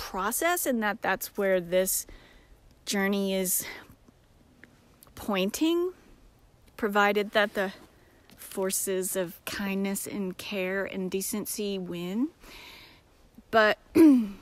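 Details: Self-described disabled woman with episodic aphasia occurring several times a day, sometimes briefly, that she says can sound like mocking a foreign-language speaker; aphasia.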